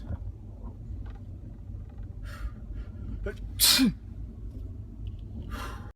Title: Dabbing? You mean sneezing?